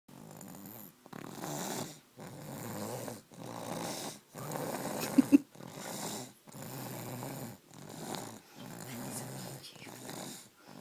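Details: Baby snoring during sleep: regular rough snores, about eight in eleven seconds (roughly forty a minute) with short silent gaps and steady noisy breathing. Snoring.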